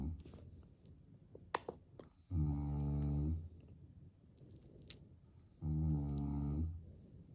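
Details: Father snoring while asleep, baby nearby: two loud, low, rattling snores about three seconds apart, breathing near 18 a minute, quiet gaps and faint clicks; ordinary snoring.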